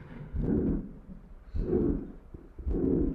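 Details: Holosystolic murmur of a ventricular septal defect: a long, blowing murmur filling each systole at about 52 cycles a minute.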